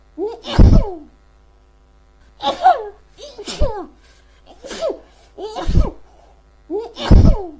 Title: Endless Sneezing